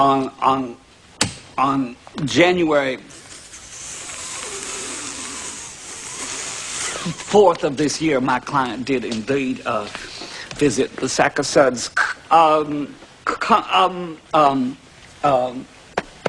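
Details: Acted stuttering: a movie scene in which a lawyer character stutters while giving an opening statement to a jury. Finding: stuttering (acted).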